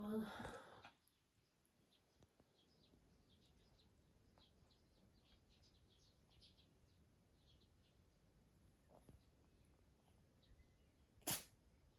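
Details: Young cat playing with a stuffed mouse toy makes a small, soft sneeze.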